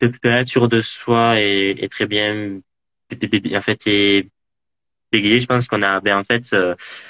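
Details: Adult male who stutters, a student residence animator, interviewed in French; stuttering.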